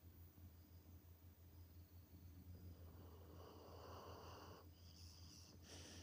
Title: Doggy snoring #trending #youtubeshorts #youtubevideos #ytshorts #viral #cute #video #toptrending #yt